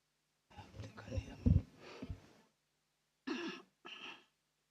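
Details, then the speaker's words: Adult female judge with a little cold and a hoarse voice, about to deliver a judgment in court: a rough, hoarse throat-clear then two short coughs in a quiet room. "you you will uh please bear with her uh I think she she's got a little cold so she needs your patience and understanding my Lord"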